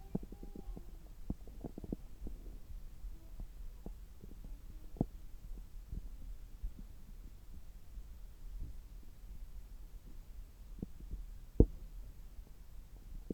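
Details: Stethoscope on an adult's abdomen about three hours after a meal, when the gut is active: low hum with scattered soft clicks and small gurgles, normal bowel sounds.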